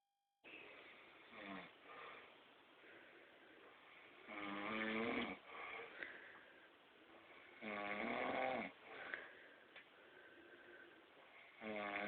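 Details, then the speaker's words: Snoring in a sleeping father: loud, rasping, somewhat irregular snores about every three to four seconds, with quieter breathing between them. "now I've got proof I'm not the one who snores in this family"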